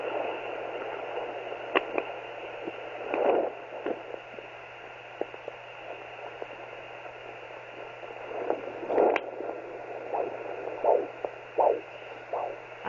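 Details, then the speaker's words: Home fetal Doppler at 10 weeks of pregnancy: hiss with a few soft whooshing pulses, about 80 a minute, from the mother's own heartbeat while she searches for the faint fetal heartbeat. "find mine first so that's my heart gets noisy when I it"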